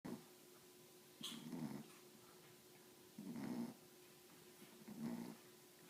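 Rough, growly snores repeating about every two seconds, roughly 30 a minute, over quiet room hum; snoring in a sleeping dog.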